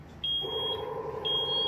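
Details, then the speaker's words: Repeating high-pitched electronic beeps over a steady hum from a ZOLL EAGLE II transport ventilator in a demonstration: disconnect alarm signalling the breathing circuit has come apart, silenceable for two minutes. "alarm is disconnect okay so this is the special feature for this ego - it shows you the reasons and some of the simple a solution for this problem"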